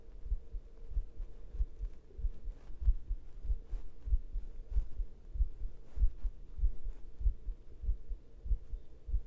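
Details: Pounding heartbeat with heavy breathing.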